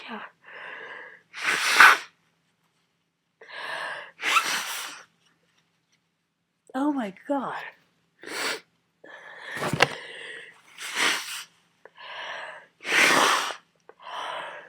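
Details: Person with a cold in a long sneezing fit, counted to about 40 sneezes: repeated sharp, explosive sneezes with gasping in-breaths between, about ten bursts in quick succession.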